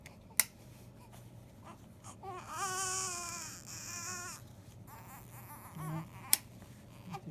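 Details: Baby girl's newborn cry: brief, thin cry bursts against room noise and a few clicks; a normal first cry.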